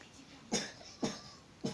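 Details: Girl home from school with an unbearable cough that two medicines have not relieved, no fever (36.6 °C), lying down: three short, sharp coughs about half a second apart in a quiet room.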